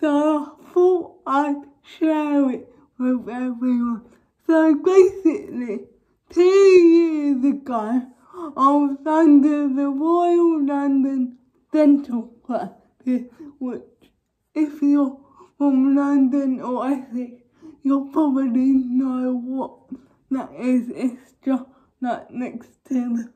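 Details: Young woman with cerebral palsy causing involuntary movements, now wearing braces on her top and bottom teeth; dysarthric speech in cerebral palsy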